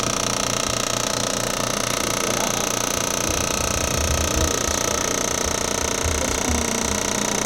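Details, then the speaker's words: Percussive vibration device on the calf of a chiropractic patient after hip replacement surgery, preparing tissue before radial shockwave: continuous rapid buzzing, about three beats a second, tone shifting as it moves. "um this won't really feel like anything just kind of like vibrations this wasn't this isn't the but time just moving it around getting the tissue ready for the other radial calls"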